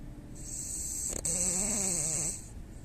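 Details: A French bulldog snoring: a single snoring breath with a wavering, whistling tone over a steady high room hiss. Snoring.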